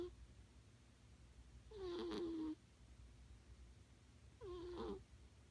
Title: Cat snoring...